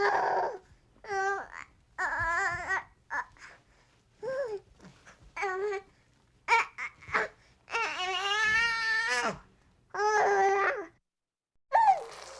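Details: Sound-effect recording of a frustrated, fussy, whiny infant crying in short bursts with rising and falling pitch and one longer wail.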